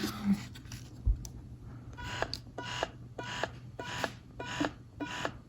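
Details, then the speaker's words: Paruu wearable hands-free electric breast pump (2 modes, 5 levels) switched on with button beeps, then a small motor pulsing in short regular bursts about twice a second; audible even on the lowest setting. "it didn't lie um it didn't stay silent on the box in comparison to the previous spot that I had it's going to make a little bit of noise at some point even on the lowest setting"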